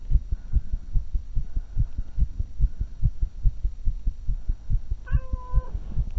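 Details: Rapid, regular heartbeats, roughly 140 a minute, with a steady hum behind them. Recorded for 2 minutes right after 20 minutes walking, 35 minutes jogging and 5 minutes running: tachycardia after exercise.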